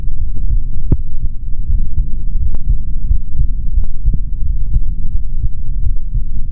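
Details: Male body sounds recorded through a stethoscope for ASMR, no talking: deep, muffled throbbing with a low hum and occasional rubbing clicks; normal heart sounds.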